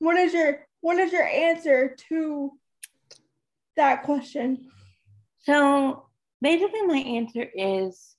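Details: Adult woman, almost 32, with cerebral palsy who says talking is hard for her and that her disability shows as soon as she speaks: dysarthria (cerebral palsy).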